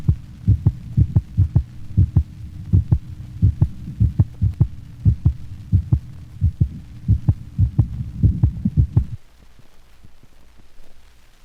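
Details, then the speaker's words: Normal dog without a split first heart sound: regular lub-dub with a single, unsplit first sound, for contrast with the normal split first sound of large breeds; normal heart sounds. "compare the split first heart sound in the previous band to that of a normal dog without a split first sound"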